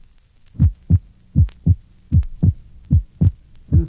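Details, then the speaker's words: Normal subject, heard at the pulmonic area: regular heart sounds at about 78/min. The second sound splits widely on inspiration and is single on expiration (physiological splitting). "listen to a normal subject with splitting of the second heart sound at the pulmonic area you will note that on inspiration splitting is wide and an expiration a single heart sound is heard refer to figure 27"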